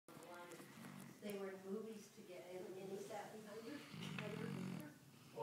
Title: Snoring dog